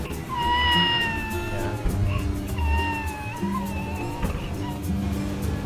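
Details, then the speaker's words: High-pitched, thin, mewing infant cry like a kitten's meow, over background music: the characteristic cat-like cry of cri du chat syndrome, a rare disorder caused by deletion of part of the short arm of chromosome 5. "that refers to the characteristic high-pitched cry of the affected babies which sounds like the cry of a cat"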